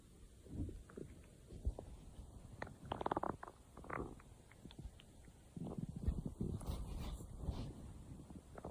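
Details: Stomach growling (borborygmi).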